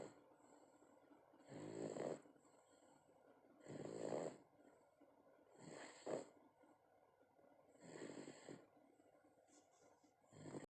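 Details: 8-month-old snoring: soft, regular rattling snores with each breath, about one every two seconds, in a quiet room; ordinary snoring.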